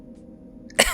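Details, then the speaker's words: Single short, harsh cough at the very end, after near silence with low room hum, from an adult who is sick with a sore throat. "every time you laugh it sounds like you're coughing I am"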